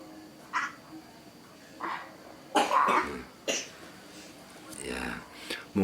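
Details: Child sick with flu, a runny nose and a cough, during a back massage meant to ease breathing: several short, harsh, wet-sounding cough bursts in a small room.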